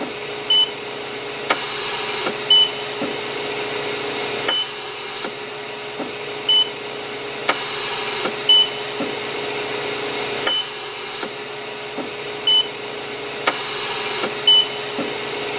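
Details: Hospital mechanical ventilator sound effect: steady machine hum with rhythmic bursts of hissing airflow and soft clicks, about twenty cycles a minute.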